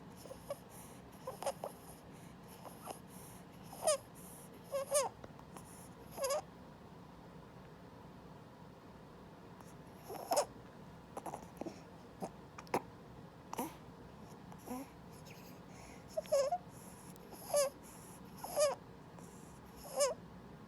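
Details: 3-week-old boy with laryngomalacia diagnosed by a pediatric ENT via flexible laryngoscopy: repeated high, squeaky, chipmunk-like inspiratory stridor from floppy supraglottic tissue collapsing, worst during feeding and sleep.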